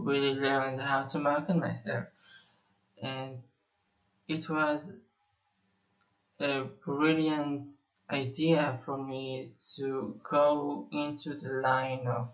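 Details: Stuttering in an adult male Israeli musician who says he has stuttered for almost 21 years.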